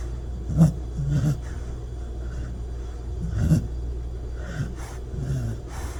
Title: THE SNORING ～鼻呼吸可愛犬～